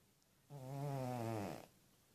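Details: Small sleeping cat snoring: a single drawn-out, low, buzzy snore about one second long; snoring.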